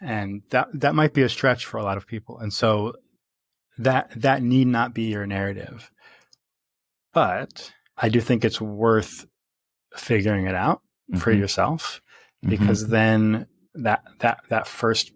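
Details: Stuttering in an adult man who stutters, speaking naturally in conversation.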